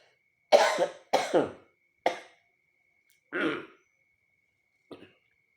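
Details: Several short harsh coughs and throat clears in a quiet room, then a softer clearing, while reciting the Quran during Ramadan; coughing after briefly choking.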